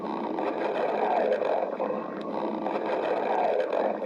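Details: A badger's stomach growling: a continuous low, rumbling, gurgling sound that rises and falls for several seconds, a normal gut sound.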